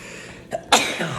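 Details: A single sneeze during a sneeze attack in an adult, who says recent shots make him stuffy and nasal: a short indrawn breath, then one sudden explosive burst through nose and mouth.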